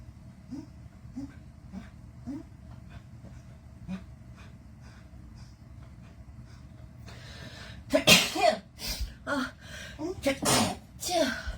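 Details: A girl sniffs softly, then lets out a rapid burst of several sharp sneezes in a row, set off by a Covid-19 nasal swab test, with faint music behind; induced sneezing.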